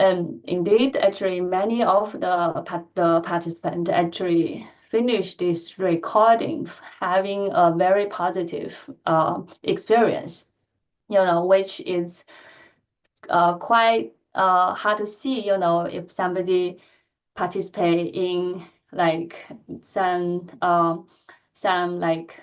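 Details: Adult woman who stutters, speaking in a lecture; she says her stuttering pattern varies greatly with listener and situation; stuttering.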